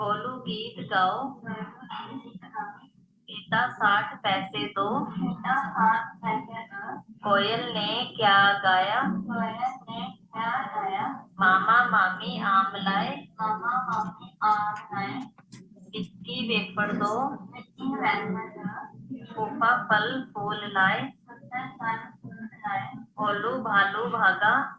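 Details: 22-year-old woman with cleft palate speech (velopharyngeal insufficiency), shown in the context of resonance disorders.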